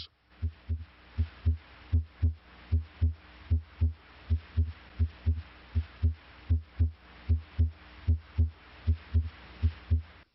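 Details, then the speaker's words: Normal heart sounds: regular paired lub-dub at about 77 beats a minute, S1 from mitral and tricuspid closure and S2 from aortic and pulmonic closure, with the longer diastolic pause after each pair. "the second sound S2 arises from closure of the aortic valve pulmonic valve closure may also contribute to S2"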